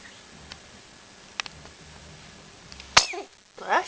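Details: A baby on a play mat during play time: a few soft sounds, then a single sharp sneeze followed by brief vocal noises; an ordinary sneeze.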